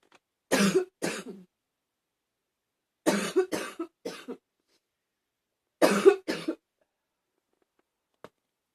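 Three bouts of two to four harsh, slightly barky coughs, about nine coughs in total; a mildly barking cough.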